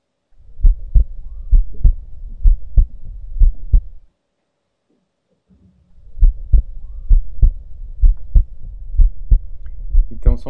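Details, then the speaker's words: Simulated cardiac auscultation on a virtual patient platform: regular paired heart sounds at about 65 a minute with a low rumble between them and a brief pause; a diastolic murmur. "Y aquí un soplo diastólico."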